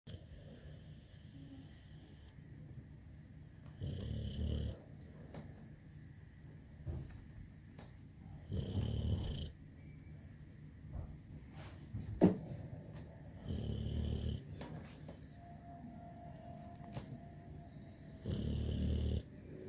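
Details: Soft, low rumbling snores recurring every few seconds over quiet room noise from a sleeping pet named Prince; snoring.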